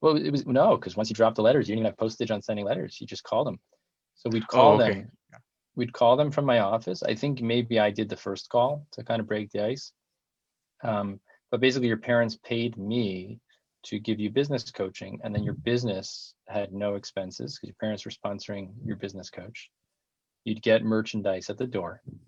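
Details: Adult speaker in conversation; ordinary speech.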